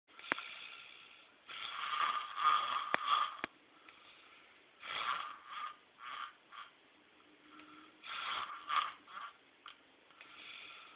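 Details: Younger brother snoring loudly, a habit since babyhood: rattling, snorting breaths in uneven bursts with clicks and short gaps; heavy snoring.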